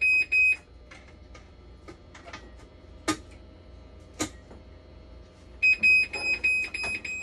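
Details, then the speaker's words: Intermittent high-pitched beeping bursts with handling clicks: hemodialysis machine alarm from a persistent low-flow error while a technician replaces bulbs during troubleshooting. "Last time na experience ko rin to flow error, nagpalit ako ng functional."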